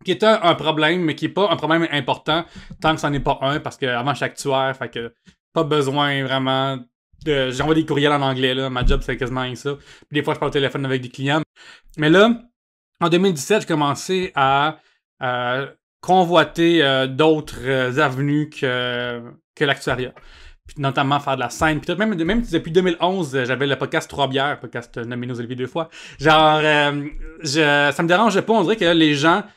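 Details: Adult male comedian with cluttering, realized only in adulthood that speech therapy exists for it; cluttering, often confused with stuttering.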